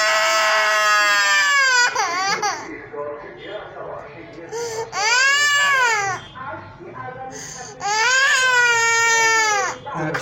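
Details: Three long, loud wailing cries with catches between them from a child in pain during root canal treatment of upper deciduous premolar-region teeth; pain attributed to an instrument poking while cleaning; soft room noise and an adult voice.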